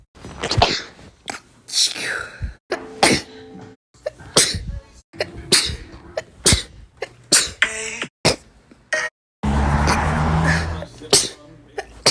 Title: sneezing!!!!